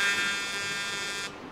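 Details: CO2 fractional laser machine demonstration: a steady, high-pitched electric buzz lasting over a second as the fractional handpiece fires a scan, then stops.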